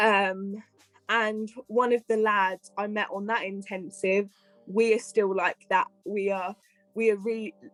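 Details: Adult female health and care worker with a stammer who attended the Michael Palin Centre and an intensive stammering course; stammering.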